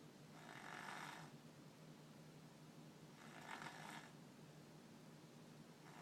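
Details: Two soft, breathy snoring sounds about two and a half seconds apart over a low steady room hum; ordinary snoring.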